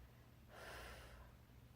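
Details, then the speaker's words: Person with dysautonomia (autonomic nervous system dysfunction) describing involuntary, neurologically caused breath-stopping episodes makes a single sharp, noisy gasping inhalation under a second long, part of an irregular breathing episode. "ill hold my breath and that makes this sound like I'm physically doing it myself like I'm going no I'm not it's this stopping breath and I can't force myself to breathe it's it's all neurological"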